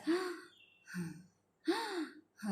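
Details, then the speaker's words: Effortful, gasping breaths with audible groaning on each cycle and rising abdomen, labored breathing in a breathless COVID-19 patient with falling oxygen saturation. "guna perut dia boleh nampak perutnya pun naik biasanya udah bernapas guna paru-paru"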